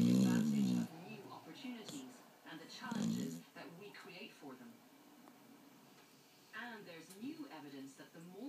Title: Snoring dog